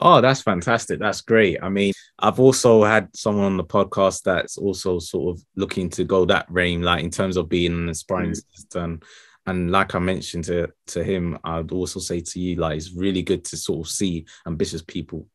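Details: Adult male speaker; ordinary fluent speech.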